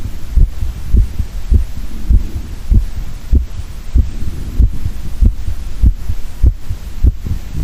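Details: An adult man records his own heartbeat through a stethoscope linked to a microphone: steady, regular heartbeat at about 98 beats per minute with clear lub-dub thumps; normal heart sounds.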